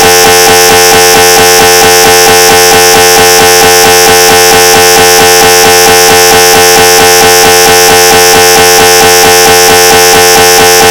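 Loud, fast, regular droning buzz with steady repeating pulses, about 133 a minute, recreating the gradient noise of an MRI scanner.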